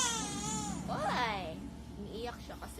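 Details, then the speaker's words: Rising and falling wailing cry with brief whimpers from a two-month-old baby weighing 3.7 kg, recently immunized and still feverish; ordinary fussing infant cry. "Kahit naka-aircon yung papa niya aw ng papa niya na umiiyak Pero kapag hindi yan umiiyak h man to iyak good nga"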